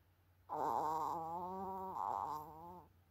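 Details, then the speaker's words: A sleeping Chihuahua after playing football makes a long, whiny, tonal snore on one inhaled breath lasting over two seconds; snoring. "Малышка в футбол наигрался, набегался. Теперь лежит храпит."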